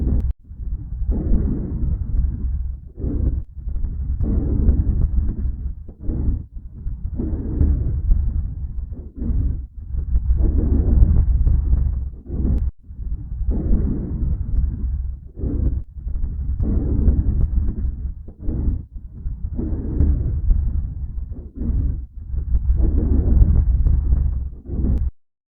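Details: Normal vesicular breath sounds auscultated by stethoscope on the chest of a thin dog (body condition score 3/9); soft, regular airflow without crackles or wheezes.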